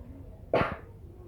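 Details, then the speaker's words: Cough etiquette demonstration by a nursing student: a single short cough, muffled as when coughing into the arm. "Batuk efektif adalah salah satu cara melindungi diri saat batuk atau bersin."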